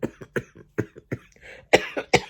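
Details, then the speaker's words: Cough from a vlogger who can't stop coughing and can barely speak two words: a run of about eight short, harsh coughs in quick succession, ending in louder forceful bursts. "And I'm just going to end the vlog because I just keep coughing and I can't even, like, speak 2 words."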